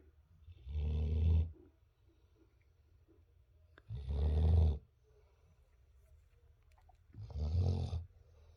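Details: Boerboel mastiff puppy snoring: deep, rumbling snores, three in a row, about 18 a minute, with quiet breathing between them.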